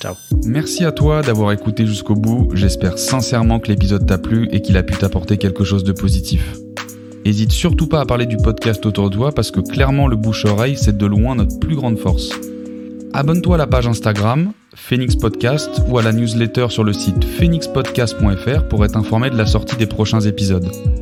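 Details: Adult male podcast host; ordinary fluent speech.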